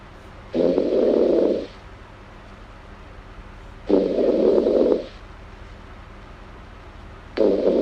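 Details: Snoring from a girl.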